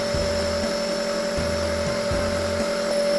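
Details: Steady hum of an Omron nebulizer compressor delivering NaCl and Ventolin by mask to a child breathing deeply to loosen phlegm, with low pulsing and room noise; treatment lasts about 10–15 minutes.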